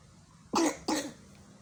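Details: Child with a recurring allergic cough treated with a nebulizer: two harsh coughs in quick succession, a persistent cough.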